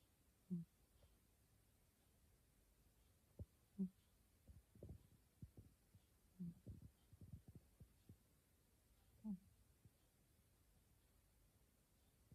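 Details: Sleeping cat snoring: soft, regular low snorting breaths about 20 a minute with faint rustling between them.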